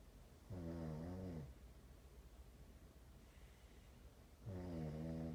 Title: Snoring contest from hell part 1